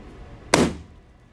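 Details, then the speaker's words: A single sharp pop from a cracked knuckle: gas bubbles (oxygen, nitrogen, carbon dioxide) bursting in the joint fluid between the bones; harmless, not a cause of arthritis. "when you crack your knuckle those little bubbles of co2 pop it doesn't cause arthritis isn't necessarily bad for you although it can cause swelling and a weakened grip as you get older"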